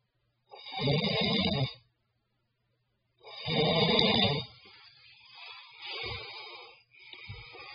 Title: Snore snore